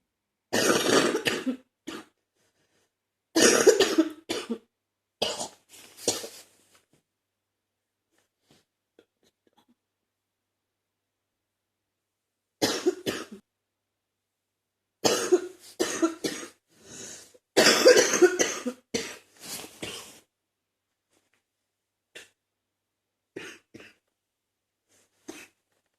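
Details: An adult with chest congestion gives repeated bouts of harsh, chesty coughing while trying to clear mucus from the chest; productive (wet) cough.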